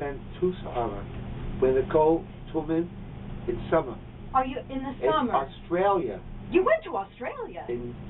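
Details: Patient with fluent aphasia in outpatient speech-language therapy, speaking in conversation.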